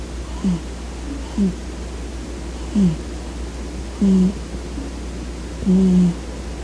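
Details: Snoring in a cat napping on a person's lap: sweet, quiet snoring sound.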